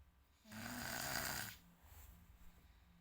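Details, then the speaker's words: A schoolchild who began snoring only after starting Islamic primary school (MI), possibly from school tiredness, makes a single loud, rough breath with a low rattling buzz, then quieter breathing: a snore. "dulu padahal enggak ngorok guys mungkin karena kecapekan sekolahnya juga sudah sudah mikir pelajaran"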